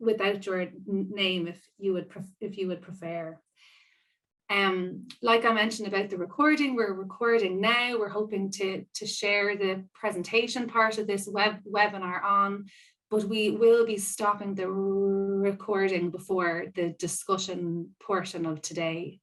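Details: Woman who describes herself as a person who stammers; part-word and whole-word repetitions heard; stammering (stuttering).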